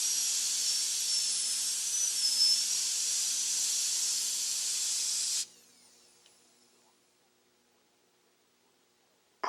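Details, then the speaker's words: Ultra-speed dental handpiece blending the occlusal and proximal walls and refining the axial and gingival walls of a Class II mesio-occlusal amalgam preparation. About five seconds of continuous high-pitched hissing whine, then it stops. "ultra speed is used to blend the accusal and proximal walls and then to refine the axial and gingival walls"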